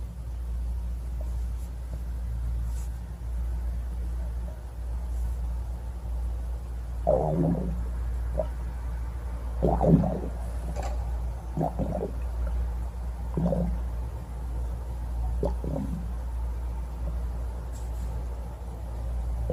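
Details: Stomach growling: several bubbly gurgles and squeaky rumbles over a low, steady hum, ordinary bowel sounds (borborygmi).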